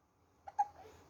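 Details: Hiccups from a little boy, recorded outdoors on a windy day.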